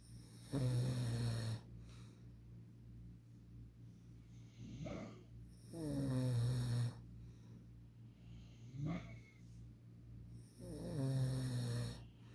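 Low rumbling snores on breathing in, about 11 a minute, with quieter breathing out between. Ordinary snoring.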